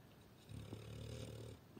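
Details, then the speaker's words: Pet dog snoring while asleep: a single soft, low, buzzing snore lasting about a second, in a quiet room. "и вот под такой милый храп я должна была снимать вы понимаете"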